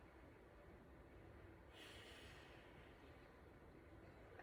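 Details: Normal breath sounds in a female patient during a head-to-toe assessment with stethoscope.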